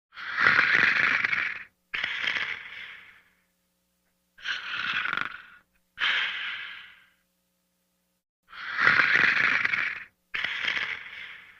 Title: Diesel Sleeping & Snoring Part 4